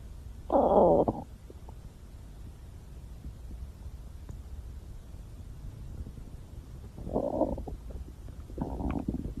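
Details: Three bursts of gurgling rumble separated by quiet stretches; ordinary stomach growling, bowel sounds.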